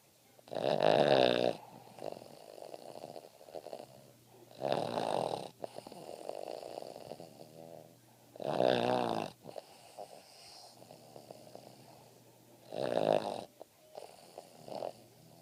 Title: Boston Terrier snoring soundly